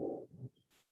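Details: Teaching heart-sound recording, auscultation: two heart sounds with a faint, soft murmur of varying intensity between them, the systolic murmur of aortic stenosis.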